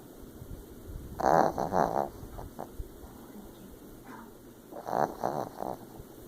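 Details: Chihuahua snoring and twitching in his sleep: two bursts of fluttering, snorting breath sounds a few seconds apart, with quiet room noise between them.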